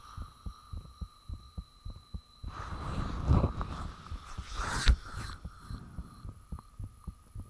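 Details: Self-recorded own heartbeat with fan off, made shortly after the heart began feeling very thumpy; steady low thumps about 100 a minute over a steady hum, briefly covered by rustling; clear, normal heartbeat.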